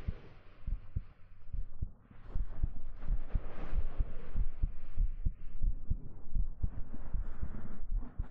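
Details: ASMR binaural (3DIO) recording: soft, somewhat uneven heartbeat thumps at about 95 a minute with fabric rustle and low hum during a hug; normal heartbeat.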